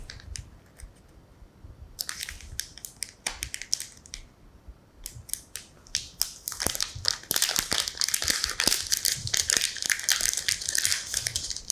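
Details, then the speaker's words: Crinkling and tearing of plastic as a sterile needle electrode is unwrapped by a gloved examiner, with faint room noise, before needle electromyography of the deltoid muscle using a Neuro-MVP-Micro system. "теперь одеваем перчатки [музыка] берем игольчатый электрод и его открываем"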